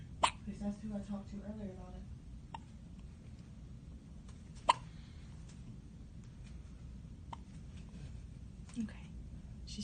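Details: Newborn girl, one day old, with her first hiccups: sharp, brief clicks at irregular intervals over a steady hum, with soft baby sounds early on.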